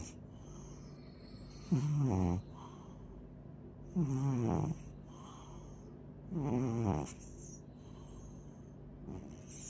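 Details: Three loud, rattling snores at regular intervals, about one every two and a half seconds, with quiet breathing between them; ordinary snoring.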